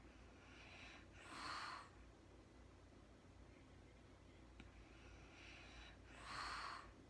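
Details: Two soft, breathy snores about five seconds apart over faint room hiss from a woman sleeping in real time after being super tired; light snoring.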